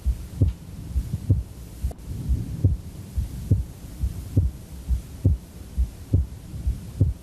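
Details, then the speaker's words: Male patient with wide splitting of the second heart sound: the split is heard on both inhalation and exhalation, widening and then narrowing slightly but never closing. "wide splitting means no matter whether he's inhaling or exhaling you can still hear splitting of the second sound there's no phase in which you don't hear splitting"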